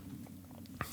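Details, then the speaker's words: Stomach rumbling around lunchtime: a low, soft gurgling rumble with small bubbly bursts, at first mistaken for a passing plane; ordinary borborygmi. "can you hear my stomach rumbling? Was that your stomach? I thought that was a plane going by. That's my stomach. It's lunchtime."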